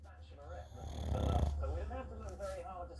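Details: Sleeping pug dog: slow, rumbling snore with a rattling, snorting quality on the in-breath; ordinary dog snoring.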